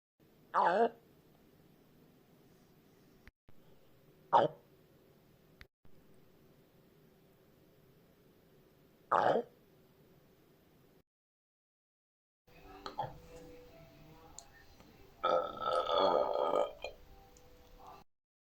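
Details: 30-year-old man with retrograde cricopharyngeus dysfunction (R-CPD, cannot burp): brief croaky throat gurgles, then a longer rumbling gurgle; esophageal gurgling from inability to burp.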